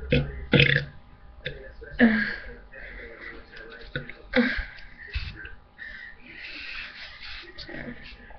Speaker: hello guys i'm gonna do another burp video i've got some of this strange drink i don't know what it is yeah it's called solo original lemonade